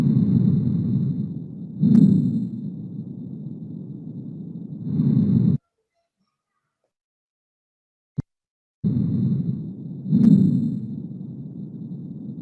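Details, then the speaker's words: Chest auscultation teaching example: low, coarse grating sounds swelling with each breath; pleural friction rub, likened to stroking the back of one's hand held near the ear. "acariciar nomás así es como son el roce pleural y vamos a escucharlo presta mucha atención"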